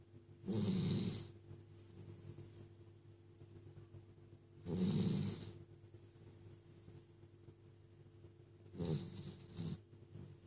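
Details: Sleeping puppy: rhythmic low rattling snores with each breath in, about 15 breaths a minute; ordinary snoring.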